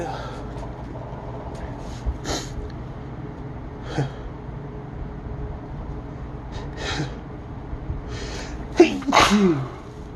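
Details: An adult has a sneezing fit: several sharp sneezes over about ten seconds against steady background noise, the last ones loudest and closest together, then exclaims at how many there were.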